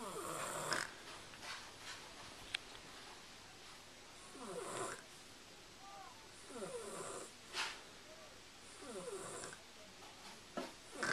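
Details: Henry, a sleeping dog, snoring, recorded on a Flip Video camcorder: soft, snuffly snores with nasal whistles and little squeaks every couple of seconds.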